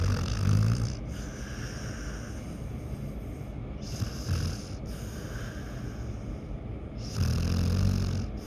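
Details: Sleeping dog, snoring louder than a human: low, rattling snores on each breath, about three seconds apart. Ordinary dog snoring.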